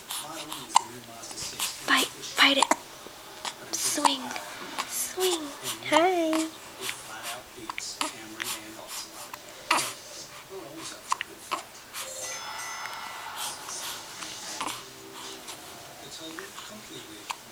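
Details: Young child frustrated with hiccups: repeated sharp, abrupt little gulps mixed with whimpering vocal sounds, with adult voices nearby.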